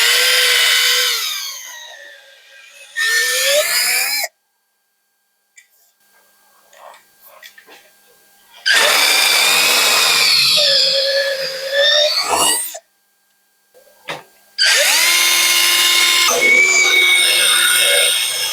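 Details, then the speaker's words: Bursts of high-pitched powered whine, starting and stopping, as a reamer prepares the bone canal for the implant after proximal tibia and distal femur cuts in a revision hinged knee replacement; surgical reamer. "Now we are going to do the reaming. We have removed this proximal tibia cut taken, distal femur cut taken. Now we need to make the canal."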